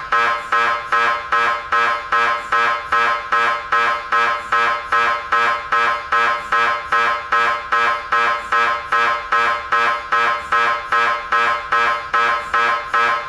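Loud, steady machine buzzing that pulses very regularly, about 150 times a minute, typical of MRI scanner noise.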